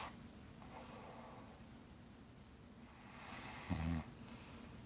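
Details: Snoring while being held in arms: soft, noisy breathing with a brief low snorting rattle near the end.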